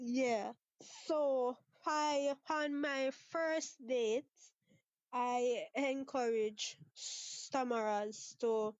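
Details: Stuttering in a 23-year-old Jamaican woman who talks about her own stutter.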